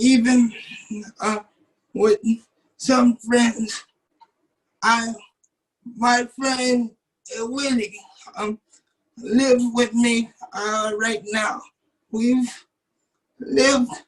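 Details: 27-year-old man with cerebral palsy since birth, muscles not working like others', wheelchair user; doctors told his family he would never talk. Dysarthric speech in cerebral palsy.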